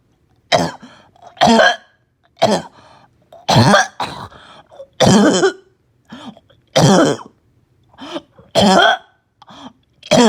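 Repeated loud, harsh, barking coughs, about ten in ten seconds, with short pauses and wheezy breaths between; a barking cough.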